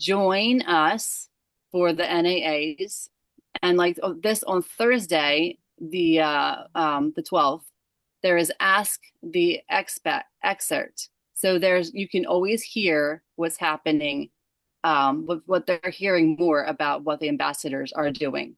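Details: Adult woman with aphasia after a stroke caused by moyamoya disease at age 37; the stroke happened while she was asleep, her left side was affected first, and aphasia began December 2022.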